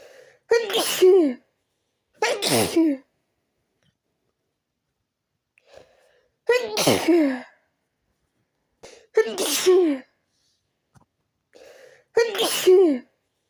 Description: just sneezing like always..i tried to change the room..but it didn't got better..i kept sneezing.